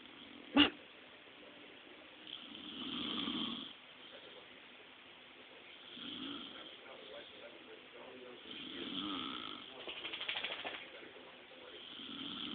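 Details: Slow, irregular rasping breaths with a soft snore on each cycle, about 5 a minute, over quiet room noise; snoring.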